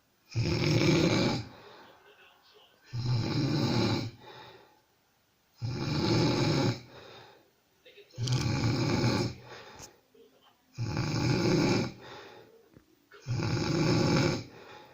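Loud, rough, rattling snores on each breath in, about six over fifteen seconds, roughly 23 a minute, with quiet breaths out between.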